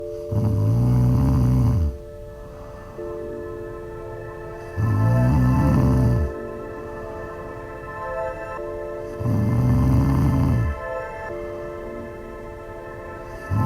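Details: Snoring: loud, low rattling snores about every 4.5 seconds, roughly 13 a minute, heard over steady ringing musical tones.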